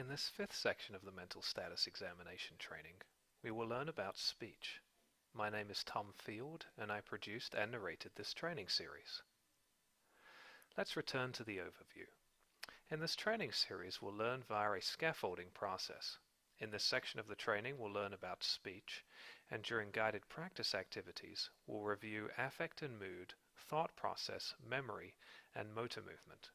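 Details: Adult male narrator; normal speech.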